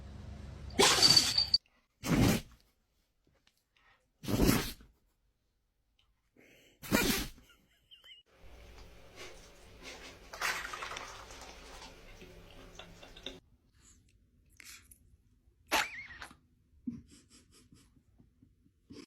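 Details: Dog sneezing: four sharp, explosive sneezes a few seconds apart, then softer snuffling.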